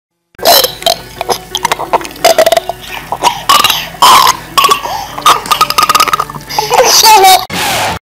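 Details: Cartoon chipmunk burping sound effect, not a real person: a rapid run of high-pitched, sped-up belches and croaks; burping.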